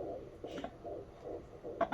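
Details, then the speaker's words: Fetal heartbeat on a midwife's Doppler at a prenatal appointment: rapid, regular whooshing pulses at about 140 beats per minute, a normal fetal rate; baby moving. "no it's in the 140s 140 piece per minute that is totally good and normal"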